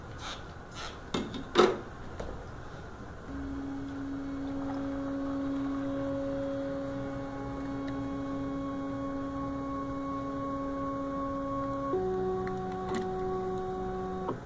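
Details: A refurbished GE Achilles heel ultrasound bone densitometer that had been dropped, running a quality assurance scan on its phantom with alcohol on the membranes: handling knocks, then steady faint electronic tones that shift pitch partway.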